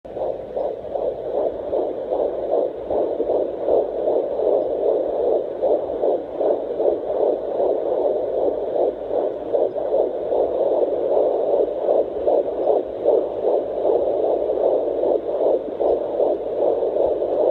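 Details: Fetal Doppler at 14 weeks of pregnancy: rapid, steady whooshing fetal heartbeat, about 154 beats a minute.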